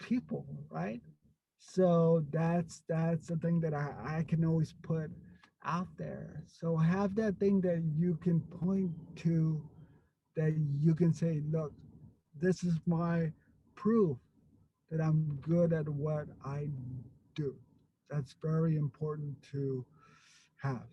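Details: Stuttering in an adult man who stutters.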